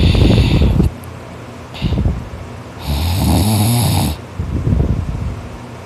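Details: Heavy snoring during sleep in a boy who snores loudest when tired after hard work; loud, rough, rattling snores in repeated bursts with quieter gaps, a harsh sawing-wood quality.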